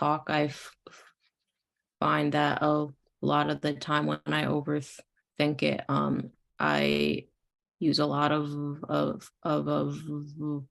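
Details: Stuttering in a female client of a stuttering speech therapy practice; her stuttering varies randomly by sound and day and does not increase with nervousness.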